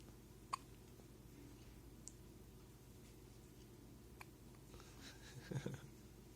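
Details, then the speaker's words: Baby girl's first hiccups: a few brief, sharp catches spaced a second or more apart in a quiet room; infant hiccups. "You got your hiccups? Look at you. Oh, you're so cute. These must be your first hiccups."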